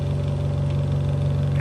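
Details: Konsung KSOC-10 oxygen concentrator (PSA, 0-10 L/min, 93±3% oxygen) running normally: steady low motor hum with faint regular pulsing.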